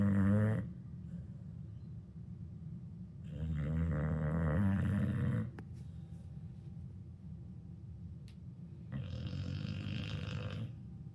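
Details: A 2-year-old female dog snoring while asleep, described as sounding like a chainsaw: about three loud, rough, rasping snores with quieter breathing between.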